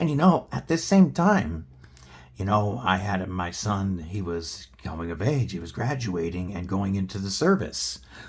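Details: Adult male, just under 40 at onset, with a paralyzed vocal cord after failed neck surgery with nerve damage and emergency spinal surgeries, spine fused front and back; dysphonia from unilateral vocal cord paralysis.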